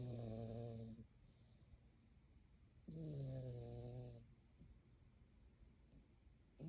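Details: Elsa snoring away: low, buzzing, droning snores, breaths about a second each with quiet pauses between, roughly 19 a minute.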